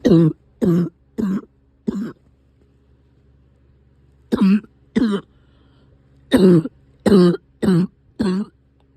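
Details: Cough that has returned: three bouts of short, harsh coughs, eleven in all, with a low engine-like hum behind.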